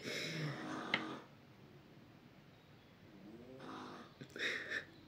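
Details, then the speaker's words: Snoring from the owner's sleeping "baby" in a quiet room: a few rough, noisy breaths separated by pauses. "Si vous entendez ronfler, voilà, il fume mon bébé."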